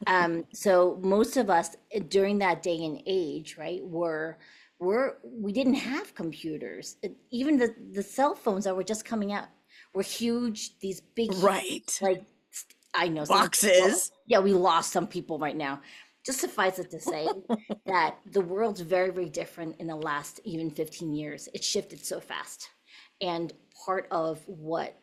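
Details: Adult woman speaking; normal voice.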